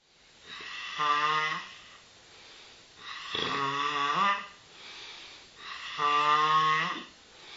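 Three loud, buzzing, tonal snores on breaths in, roughly 22 a minute, with quieter breathing out between them. Snoring.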